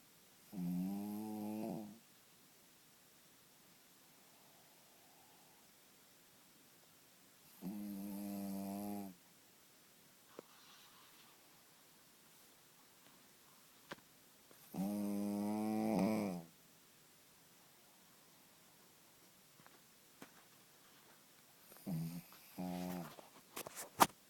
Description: My crazy dog snoring loud in the morning lol!!!